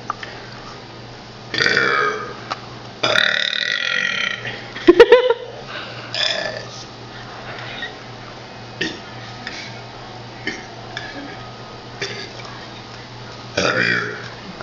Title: Burping ABC's